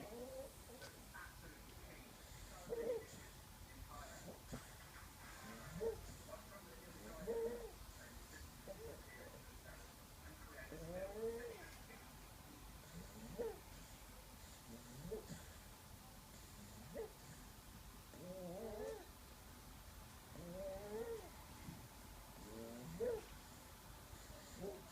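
Repeated high-pitched, crowing breath sounds recurring every few seconds, consistent with stridor from a narrowed upper airway.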